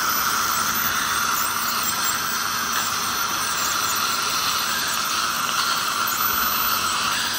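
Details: Dental scaling to remove heavy (giant) tartar: continuous high-pitched squealing hiss with water spray; ultrasonic dental scaler in use.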